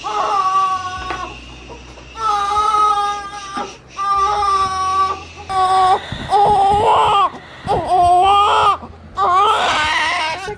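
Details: Newborn girl just after birth, the family's fifth daughter, gives repeated loud, high-pitched wails with brief breaths between them; newborn cry.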